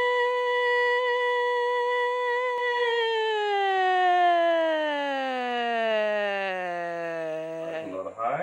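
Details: Female larynx filmed by laryngoscopy during normal phonation; normal female phonation.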